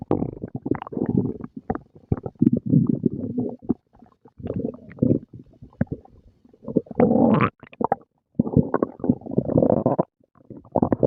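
Repeated low gurgling and rumbling bursts with brief pauses, typical active stomach growling, ordinary bowel sounds after eating.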